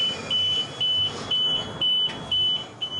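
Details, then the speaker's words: Home ventilator alarm of a man with ALS (amyotrophic lateral sclerosis), which sounds whenever he skips a breath or something goes wrong at night: repeated short, high-pitched electronic beeps, about two a second, over a low room hum. "hear the alarm every every time there if he skips a breath or whatever and it's just basically a warning"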